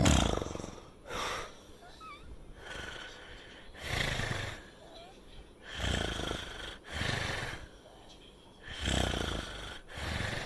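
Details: Person sleeping on a latex anti-snore pillow that reduced but did not stop snoring through the night: repeated harsh, rattling snores with breathy sounds between; snoring.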